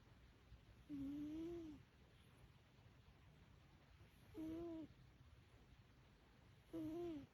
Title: Sound on… Birman afternoon nana nap, complete with whisker twitches and snores. 😂 💤 #shorts#